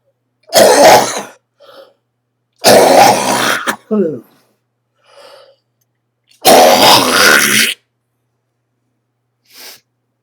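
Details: An adult coughs productively, attributing it to sinus congestion draining down the throat (histamine-related), and denies COPD; a productive cough.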